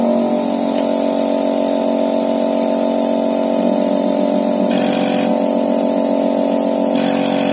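Steady motor drone with a fast, even pulsing hum from a running medical suction pump.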